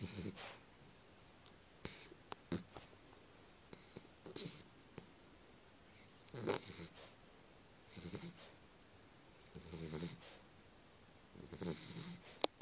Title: Ben sleeping ^^ (dog snoring)